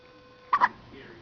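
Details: A single quick, sharp double catch from a girl in a dim, quiet room; ordinary hiccups.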